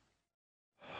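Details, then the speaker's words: Normal deep breathing, patient asked to breathe deeply in and out with mouth open during chest auscultation on respiratory examination: soft airy breath fades, brief silence, then a louder open-mouth deep breath begins. "Assess the quality and amplitude of the breath sounds."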